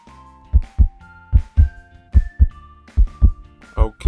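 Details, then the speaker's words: Cartoon sound effect in a play-doh toy doctor check-up: paired lub-dub thumps at about 70 a minute over light music, a heartbeat described as happy and normal. "your heartbeat sounds happy which means it's normal"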